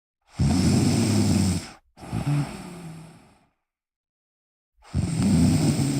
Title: Me Snoring whilst relaxing